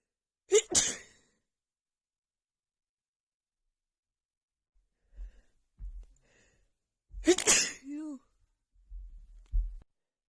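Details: Female with a bad head cold and unbearable nasal tickle: two forceful sneezes separated by quiet breaths and sniffing, with a voiced sigh after the second.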